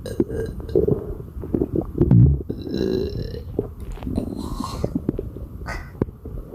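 Repeated low, gurgling belches in quick succession, with rumbling between them; frequent eructation consistent with bloating.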